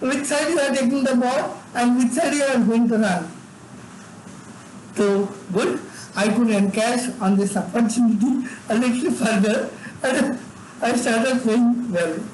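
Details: Adult man with severe cerebral palsy from birth, involuntary tremors in all parts of his body, unable to talk until age eight; dysarthria in cerebral palsy, speech disorder not named directly.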